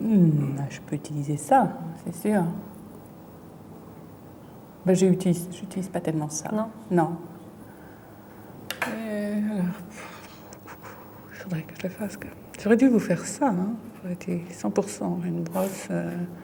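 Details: Woman with aphasia from a brain lesion, fluent speech with word substitutions and distorted words while searching for a word; fluent aphasia with word-finding difficulty.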